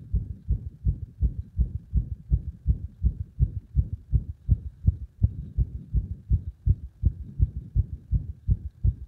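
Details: Loud, rapid, muffled heart sounds recorded with pressure applied, with uneven spacing between some beats from frequent arrhythmia.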